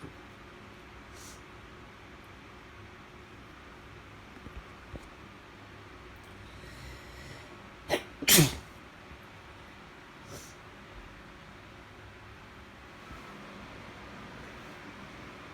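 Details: Allergy sneezing from a tickle of unknown cause: quiet room, then a brief intake and one sharp sneeze.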